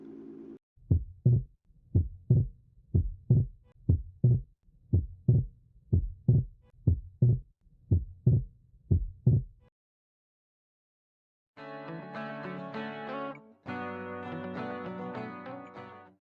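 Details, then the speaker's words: Normal heart sounds near 60 a minute with physiological splitting of S2: the pulmonary valve closes slightly after the aortic valve as venous return increases, subtly splitting the second sound. "nós podemos considerar normal o desdobramento fisiológico B2 que se caracteriza pelo aumento do retorno venoso O que leva a válvula pulmonar a se fechar um pouquinho depois da válvula aórtica"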